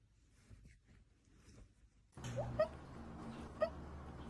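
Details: Small sharp squeaky hiccups from a puppy about a second apart in a quiet room: normal puppy hiccups.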